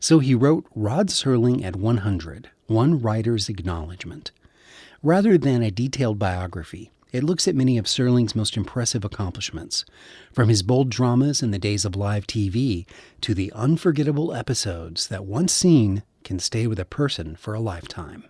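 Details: Adult male speaker; typical speech.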